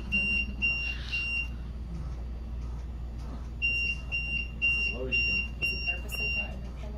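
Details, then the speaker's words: Repeated high-pitched electronic beeps over a low machine hum with faint talk: a ventilator alarm during hands-on rapid sequence intubation training for nursing staff, with low peak pressure troubleshooting discussed. "because if you do some type of intervention you should be able to clear that alarm and see if that intervention worked"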